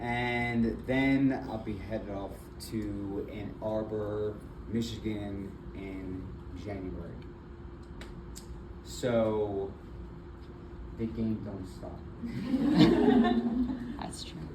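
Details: Adult man with aphasia and apraxia of speech after a February 2024 stroke that left him initially nonverbal with right arm and leg weakness; several further strokes followed; still in speech therapy.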